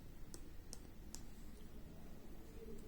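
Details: MedRena UniFusion SP50 Pro syringe pump, during demonstration of infusion modes (time mode setup): three soft clicks from keypad button presses over quiet room noise.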